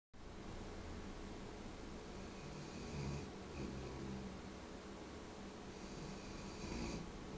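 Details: Snoring from Cubby asleep in her chair by the living-room windows: a few soft snoring breaths over steady room noise.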